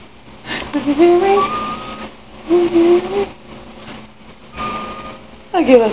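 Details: A sleeping adult woman (a mother) makes repeated high, rising whistle-like tones with each breath instead of ordinary snoring.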